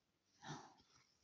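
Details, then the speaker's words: Dog asleep stretched out on a sofa: a single soft, rough snoring breath, faint against quiet room noise. "Elle ronfle. Elle s'est installée sur le canapé de tout son long. Et madame ronfle."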